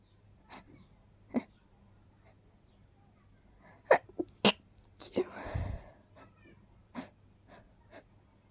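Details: Person with a tickly, fast-coming urge to sneeze: several short, forceful, muffled bursts with breathy rushes of air, plus one longer noisy burst. Powerful stifled sneezes.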